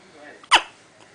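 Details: Hiccups: a single sudden voiced catch with a sharp onset, typical of one hiccup.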